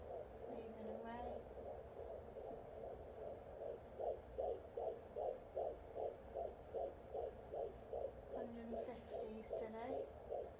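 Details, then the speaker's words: Rapid, regular whooshing pulses on a Jumper JPD10056 home fetal Doppler, about 150 beats a minute: fetal heartbeat, galloping versus the mother's slower pulse, with brief static from probe movement while she lies flat. "So if it's slow and like a, then that's mine. And then if it's like galloping, it's babies."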